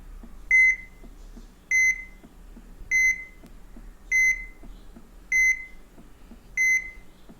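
Regular high-pitched monitor beeps, about 50 a minute, one per heartbeat, marking normal heart function.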